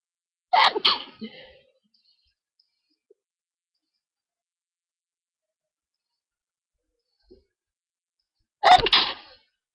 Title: I'm gonna sneeze (eww my voice)